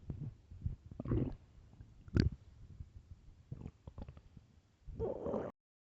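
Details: Loud stomach growling from hunger: irregular low gurgles and rumbles with a few louder bursts; borborygmi, ordinary gut sounds.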